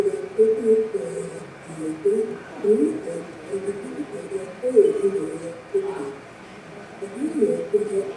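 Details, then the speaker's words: Simulated 38% sensorineural hearing loss: speech with background noise sounds muffled and much quieter, so both the speaker and the noise are hard to hear. "this is as if someone has hearing loss, 38%. So the speaker and noise are both difficult to hear. One of the things you're going to hear is kind of a muffled sound, and it's much quieter."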